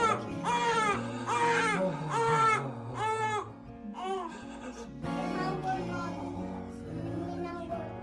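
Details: Repeated wailing cries in rhythmic bursts from an infant brought to a chiropractor for gas that has been worsening, especially after feedings, with background music; an ordinary infant cry.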